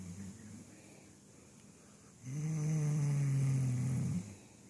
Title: Poppy snoring sitting up